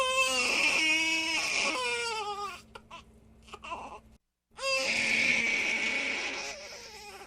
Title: Som de bebe chorando - Sound of crying baby 4:11 minutes